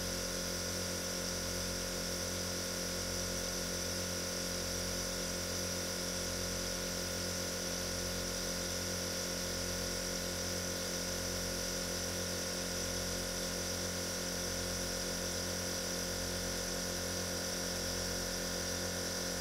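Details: Continuous steady mechanical buzzing hum with a fine hiss and slight rhythmic pulse: a nebulizer compressor running, released as an ASMR music track.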